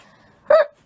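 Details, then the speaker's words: A single short, abrupt voiced catch in the throat from someone who says she is hiccuping and feeling weird; hiccup. "I mean, what's the vibe for today? Hiccuping and feeling weird."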